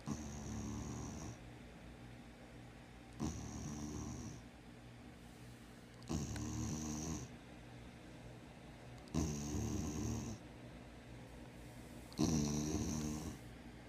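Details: Spayed female former street dog, treated for worms and heartworm, snoring while asleep with eyes open: five loud, rattling snores about 20 per minute with quiet pauses.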